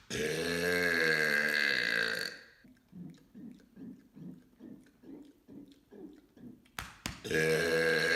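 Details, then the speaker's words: Deliberate "mega burps" from a series of 15: long, loud, deep-voiced belches at the start and end, with a run of quieter rhythmic croaks between; forced burping. "Today I'm going to be doing 15 mega burps."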